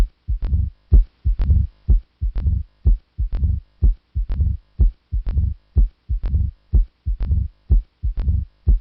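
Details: Heart sounds with a low-pitched rumbling murmur in the long silence of ventricular diastole, between the second and first sounds; a diastolic rumble of mitral stenosis, presented as an auscultation teaching example.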